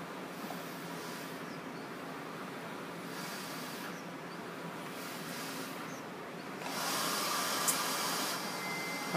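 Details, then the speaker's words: Respironics V60 non-invasive ventilator in BiPAP mode, demonstrated on a spontaneously breathing user: steady airflow hiss rising and falling with breaths, louder surge as the machine triggers on breathing through the circuit. "so I'm going to breathe it on here again so you can see the title volume respiratory rate and other parameters okay so it automatically will trigger on as soon as I start breathing through the through the circuit here"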